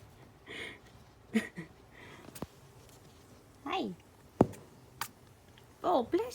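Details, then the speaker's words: Loud sneeze from a pet rat who has been sneezing a lot, possibly from a cold, with some funny, weird noises; owner unsure whether the sneezing is noticeable. "Oh, bless you. That was a loud sneeze."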